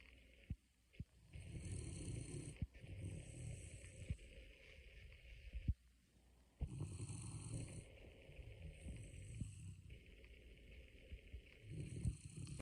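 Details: Loud, rough, low rumbling snores with a few brief pauses between breaths from a dog (Murph) asleep after a walk; snoring.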